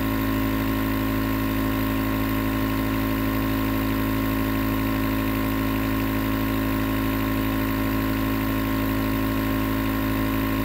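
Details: Nebulizer compressor running as white noise for sleep: steady mechanical hum with constant low drone; continuous nebulizer running sound.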